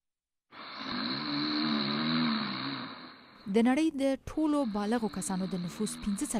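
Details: Snoring during sleep, in a health piece on snoring and sleep apnea.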